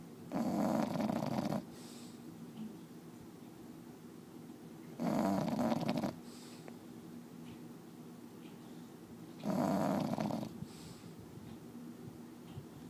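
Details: Bulldog snoring loudly and roughly on each in-breath, about every 4 to 5 seconds with quiet pauses, loud enough to drown out the TV.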